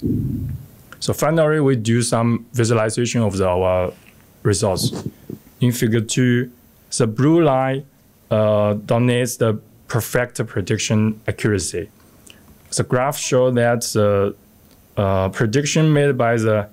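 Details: Adult male speaker; Normal speech.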